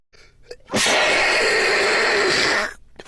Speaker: I need to sneeze.